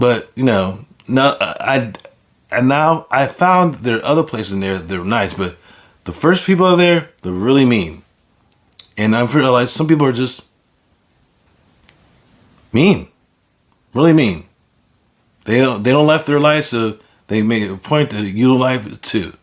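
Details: Speaker with aphasia caused by stroke; finding: aphasia.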